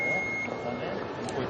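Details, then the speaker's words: AED (automated external defibrillator) training demonstration at a safety education centre, simulated use: a steady electronic beep as the device is powered on, then the start of its machine voice prompts. "요 기계에서 나오는 음성 메시지를 듣고 따라만 하시면 돼요. 1번 순서대로 하겠습니다. 1번. 자, 전원 킵니다."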